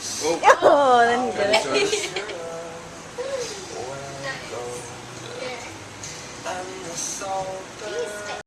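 Wavering, whiny infant cries and fussing sounds that rise and fall, with faint background sound; an ordinary baby cry.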